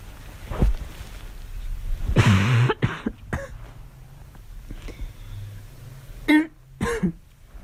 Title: Girl coughing 198